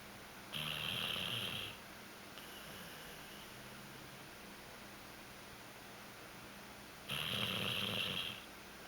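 Two loud, rough snoring breaths about six seconds apart, with a fainter one between, over steady room hiss: snoring.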